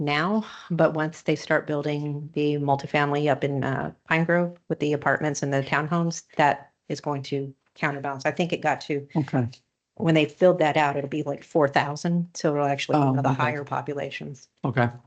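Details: Adult speaker; normal voice.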